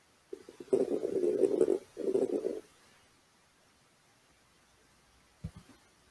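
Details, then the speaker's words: Respiratory auscultation: low-pitched bubbling, gurgling crackles heard at the start of inspiration and throughout expiration, changing with cough as secretions move, audible anywhere on the chest: coarse crackles. "ele pode ser presente no início da inspiração e em toda a expiração vamos ouvir a e aí g1"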